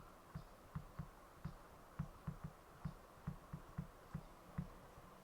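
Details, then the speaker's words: Heartbeat: regular low thumps in paired beats, about 75–85 per minute, heard through a homemade stethoscope with a balloon pressed to the chest and a PVC tube through the bottle cap. "Jadi apabila belon di tekapkan ke dada getaran bunyi ni denyutan jantung"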